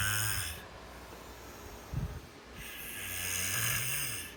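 Low rattling snores on breathing, with noisy airflow between them; ordinary snoring.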